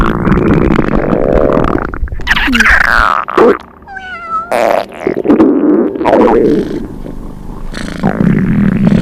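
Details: Cat's stomach growling (borborygmi): gurgling, bubbling rumbles with a brief squeaky whistle.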